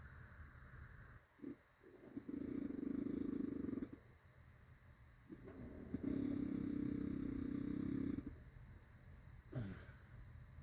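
Long, loud, rattling snores on each breath in, with a buzzing, engine-like quality over steady background noise.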